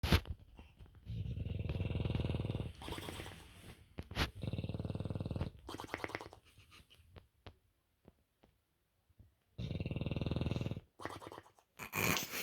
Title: Bulldog Bear Snoring